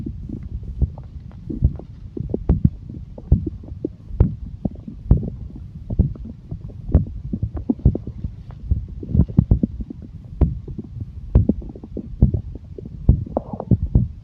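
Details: Borborygmi (stomach growling): continuous low rumbling and gurgling with frequent irregular pops, a normal digestive sound.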